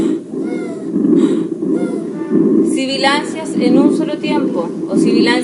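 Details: Expiratory wheezes heard over the lung in a teaching demonstration of breath sounds; wheezes in one phase only, expiration.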